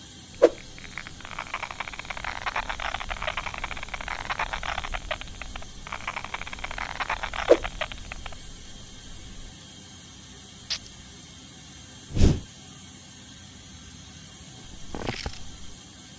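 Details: Dental tooth extraction: several seconds of hissing suction-like noise with scattered sharp clicks and knocks of instruments.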